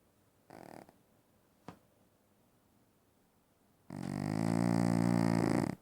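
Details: A loud, low, fluttering snore lasting about two seconds after a quiet stretch; loud snoring from Oscar, a dog.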